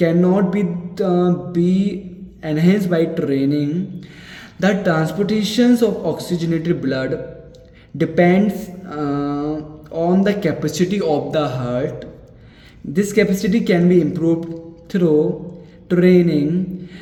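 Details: Man with stuttering (stammering), doing daily reading-aloud practice in English to overcome it; a word repetition is audible.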